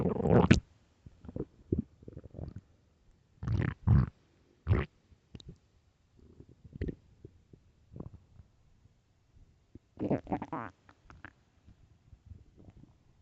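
Irregular low gurgles and rumbles from the belly, some loud and drawn out, separated by quiet gaps; ordinary stomach growling.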